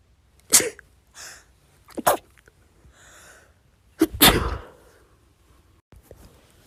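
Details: Three sharp, explosive sneezes, each with a quick inward breath beforehand, from a compilation of one person's rapid sneezes: ordinary sneezing.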